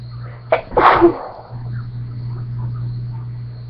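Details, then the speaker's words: Person sneezing: a quick intake of breath, then one forceful sneeze over a steady low room hum. "Just feels really good to sneeze."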